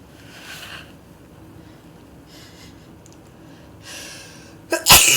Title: 'Scuse me, I have a cold.... **sniffle**